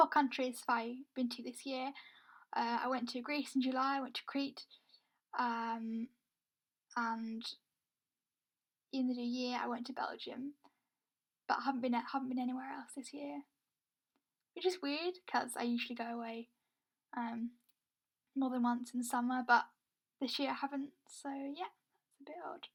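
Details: Woman who says she has a stammer; stammering (stuttering).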